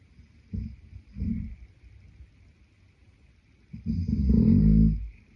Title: Snoring Boyfriend | My favorite Whitenoise | pt2